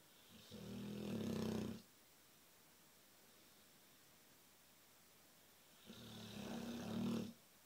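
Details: Neapolitan Mastiff snoring while lying against a wall: two long, deep, rattling snores separated by a quiet pause of several seconds.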